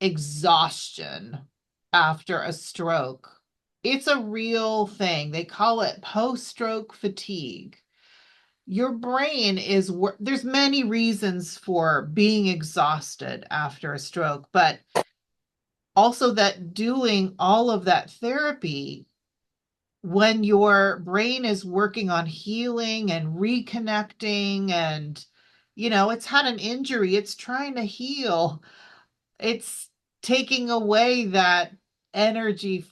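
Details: Adult woman speaking; normal speech.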